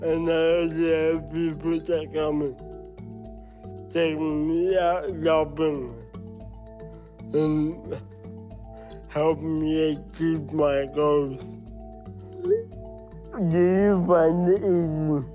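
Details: Dysarthria in a 23-year-old Samoan man with cerebral palsy, which he says means parts of his brain don't work well: dysarthria (cerebral palsy).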